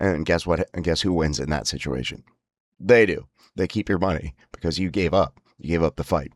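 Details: Spasmodic dysphonia (laryngeal dystonia) in an adult, whose spasms worsen with emotional stress.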